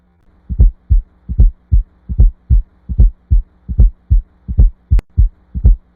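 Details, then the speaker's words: Regular heartbeat near 75 per minute, each beat preceded by a soft, low extra sound from atrial contraction at end of diastole: a fourth heart sound (S4), usually considered indicative of need for further cardiac evaluation. "fourth heart sound it is caused by The Recoil of vibrations between the Atria and ventricles following atrial contraction at the end of diol it is rarely heard as a normal heart sound"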